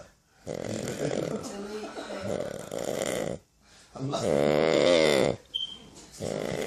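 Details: Real sleeping person (not an actor) snoring while being pranked: loud, rough, rattling snores with a wet, fluttering quality, separated by brief silent pauses; heavy snoring.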